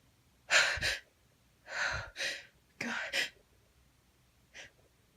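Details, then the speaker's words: Three quick sneezes from a female, each a sharp intake then a forceful burst, then a faint trailing breath; induced by sniffing chhinkni for a tickly nose. "I can feel it building. Oh, what a tease. I can feel it build. There we go. That felt so good."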